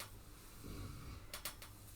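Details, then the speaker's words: An Old English Sheepdog asleep on a sofa, snoring: a single low, soft rumbling snore, followed by a few brief clicking noises in a quiet room. "snoring like a troop I don't know if you can hear"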